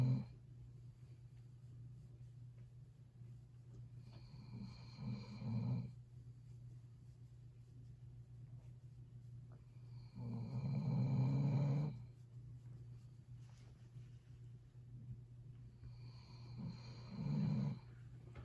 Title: Catahoula snoring